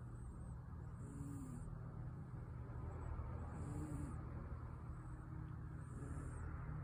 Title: Pure contentment ❤️🥰 cat snoring #cat #catshorts #catlover #cutecats #funnycatvids #cat #catvideos